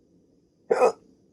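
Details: A single sharp, abrupt voiced gulp in a quiet room; a hiccup in a rare 16-minute bout after waking from sleep with a CPAP mask for sleep apnea.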